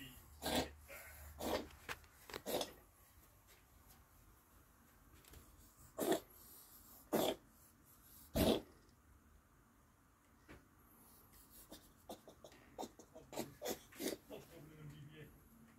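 About six sharp, harsh cough-like bursts, spaced irregularly, followed by fainter short snorting or clicking sounds.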